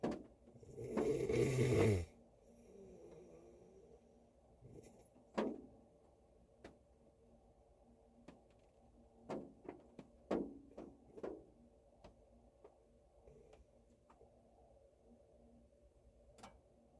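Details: Adult male snoring while asleep in a car on a snowy day: one loud rough snore, then quieter irregular breathing noises and clicks, with rain on the car roof.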